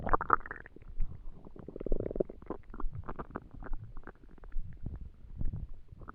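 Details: Borborygmi.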